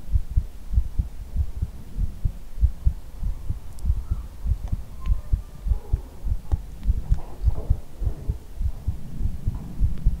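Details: ASMR heartbeat recording: steady low thumping heartbeat, roughly 100 beats a minute, with a soft hum behind it; normal heartbeat.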